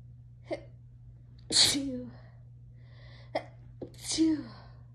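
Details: Two sneezes from a tipsy and high person, each a quick indrawn breath then a forceful burst of air, with a soft background hum.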